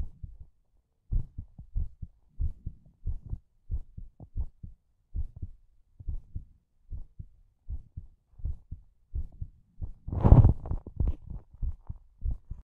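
Steady, regular low thumping heartbeat in paired beats, with one brief rustling bump near the end.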